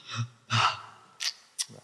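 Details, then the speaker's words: Recorded snoring of a person likely with obstructive sleep apnea: snoring breaths with a loud gasping, sob-like inhalation as breathing resumes after an apnea pause; obstructive sleep apnea with gasping. "этот говорит о том что человек а скорее всего присутствует нож и не дыхание во время сна так называемого действительно об но и и сопровождается такими всхлипывание как вы только что слышали"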